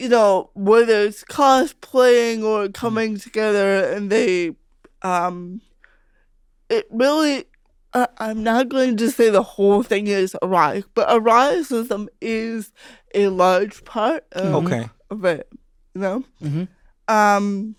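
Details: Adult female comedian with cerebral palsy since childhood, her speech noticed as different by age five; real, unacted conversational speech showing dysarthria (cerebral palsy).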